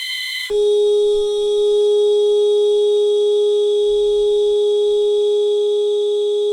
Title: Post Surgery Monitor Ambience Sound Effect